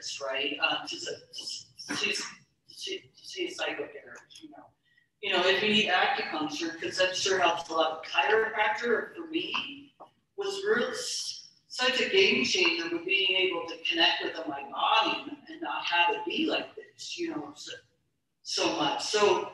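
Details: Stuttering in an adult woman, a keynote speaker at a stuttering convention, speaking about her own stuttering; stuttering.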